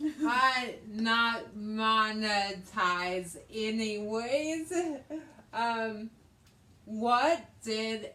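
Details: Adult woman with aphasia after a hemorrhagic stroke in May 2020, treated with brain surgery and ICU care; she also has right-side hemiparesis and reading and writing difficulties; aphasia.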